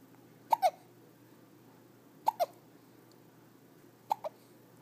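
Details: Hiccups on day 7: three hiccups about two seconds apart, each a short, sharp double catch of the breath, in a quiet room.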